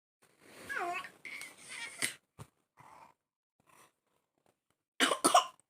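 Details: Infant with a severe cough: whimpering and crying, then several sharp coughs.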